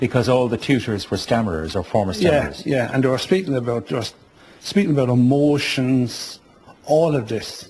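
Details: Adult male speaker; no speech disorder.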